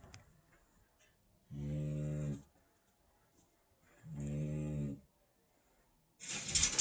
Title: Snoring Great Dane Puppy 01222020